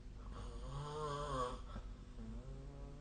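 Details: One long, low, rattling snore on breathing in during sleep, then quieter breathing in a small room.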